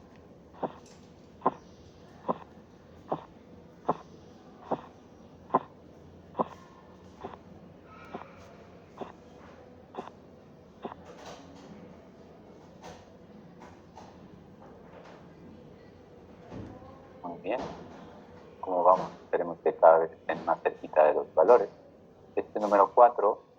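Regular tapping beats at about 75 a minute grow fainter and fade out as the cuff deflates. Louder rustling and handling noise follow. These are Korotkoff sounds: the first taps mark systolic pressure and their disappearance marks diastolic pressure, here a reading of 136/80 mmHg.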